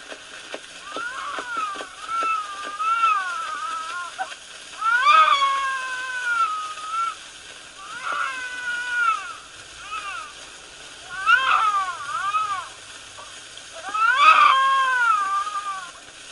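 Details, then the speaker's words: Very old home wax cylinder recording (late 19th or early 20th century) of a baby crying in repeated wailing bouts over steady hiss; candid infant crying. "let's listen to the sound of a baby from the late 19th century or early 20th century totally candid in someone's house completely unknown except by the sound of his cries or her cries so enjoy"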